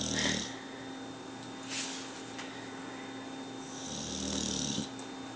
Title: Bulldog sleeping with his eyes open and snoring!